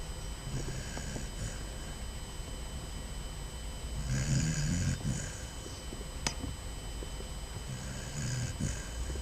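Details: Sleeping Basset Hound puppy gives low, rattling snores on each inhale, three clear bouts over about nine seconds, against a faint room hum; snoring.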